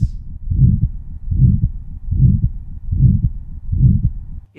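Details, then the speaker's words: Aortic stenosis murmur, heard at a regular rate near 75/min: a harsh systolic crescendo-decrescendo murmur that gets louder then quieter between beats, from a crusty aortic valve. "This murmur has a crescendo descendo quality. Gets louder and then quieter."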